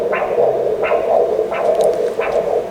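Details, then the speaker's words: Carotid exam with a linear ultrasound probe, patient supine, using color and pulsed Doppler. Regular whooshing pulses about 88 a minute, each a sharp rise then a softer trailing flow; normal pulsatile carotid arterial Doppler signal. "The patient is in supine position, the probe was placed on the carotid of the machine and the direction of the probe was adjusted to obtain the real-time scan image of the carotid."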